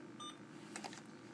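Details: Short electronic keypress beep and a few faint clicks over steady room hum as a nurse, in a training demonstration, programs a PCA (patient-controlled analgesia) infusion pump while clearing patient history; infusion pump keypress beeps.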